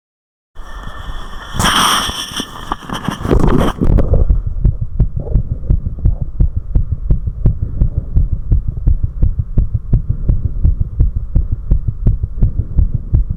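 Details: Recorder's own heart after 4 minutes of step-up exercise: rapid, strong, regular heartbeat well over 100 a minute after a few seconds of rustling: tachycardia after exercise.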